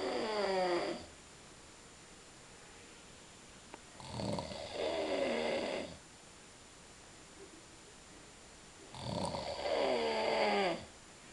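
Loud, rattling snores on each breath in, about three over eleven seconds, roughly twelve breaths a minute, with quiet pauses between.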